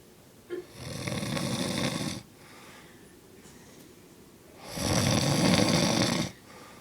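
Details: Mother snoring in sleep at 3:37 am: loud, rough, rattling sounds on each breath in, about 15 breaths a minute, with quiet breaths out.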